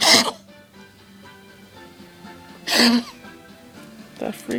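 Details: Kennel cough in a female dog: three harsh, honking cough bursts over background music, attributed to kennel cough bacteria.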